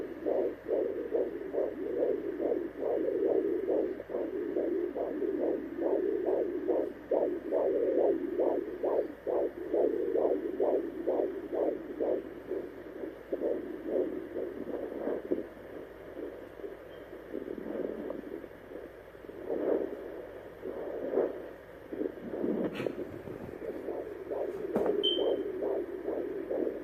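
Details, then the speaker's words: Fetal heartbeat in the first trimester heard on a home fetal Doppler: rapid, regular whooshing pulses at about 140 per minute. "this will actually be the second time this week that I'm actually listening to baby's heartbeat so stay tuned and we'll see if baby wants to cooperate and let you all hear its heartbeat"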